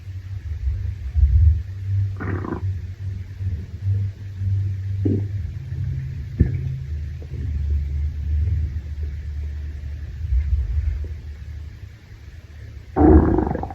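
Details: Male stomach growl after a shower, originally uploaded as "Hungry": low, drawn-out rumbling and gurgling from the belly with a few louder squelches, ordinary stomach growling (borborygmi).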